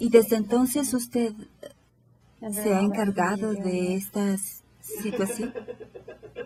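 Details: 58-year-old right-handed woman with logopenic variant primary progressive aphasia, symptom onset 4 years earlier, describing a picture; intermediate fluency, slow but not effortful, occasional phonological errors, no motor speech errors or agrammatism; logopenic variant primary progressive aphasia.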